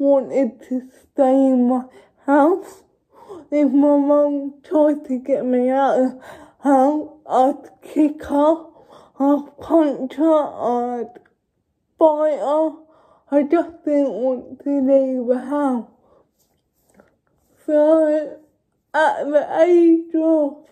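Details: Young woman with cerebral palsy talking informally to camera, no speech disorder named.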